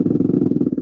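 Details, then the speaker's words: Rapid, regular, deep thumping pops on needle EMG in motor neuron disease: conventional large-amplitude motor unit potentials of chronic reinnervation, typical of slower progressors. "all right so let's look at a more conventional large amplitude"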